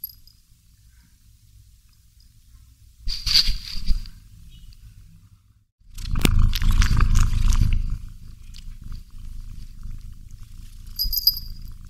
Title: Cat Cuddling with Dolls while Snoring Sounds HQ